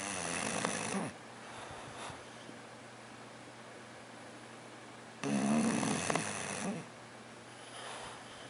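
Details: English Bulldog asleep with loud rattling snores, two long breaths about four seconds apart with quieter breathing between; snoring.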